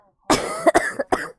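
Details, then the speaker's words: A short run of three harsh coughs from a female with a bad cold, whose voice is gone and throat sore; a cough. "감기가 아주 세게 걸려가지고 기침소리 많이 드리고요"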